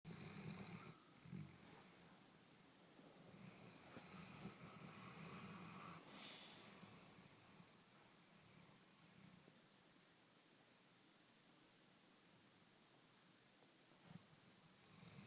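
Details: Quiet snoring of a sleeping animal: soft, low rasping snores with breathing, faint against a steady room hiss.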